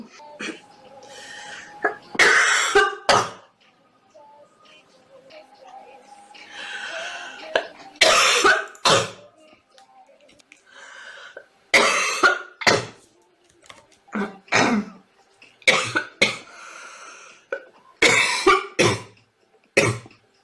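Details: A girl coughing in repeated bouts of two to four dry, harsh coughs with breaths drawn in between; a persistent cough.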